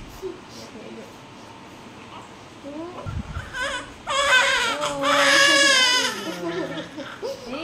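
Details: Newborn baby girl, the mother's second baby born after a ten-year gap, gives a strong, high-pitched cry over quiet room sounds and adult voices just after birth: a normal, vigorous newborn cry.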